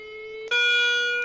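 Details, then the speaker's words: Mquip Heartguard-1 defibrillator demo set to 10 joules in manual mode: steady electronic charging tone that jumps to a higher, louder pitch partway through; defibrillator charging tone. "let's decrease it to a minimum volume for the test of this thing let's say 10 joules so i'm charging this now"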